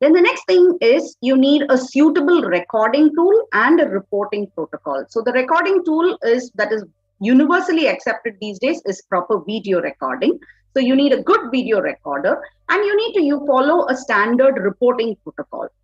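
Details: Adult woman speaking; ordinary speech.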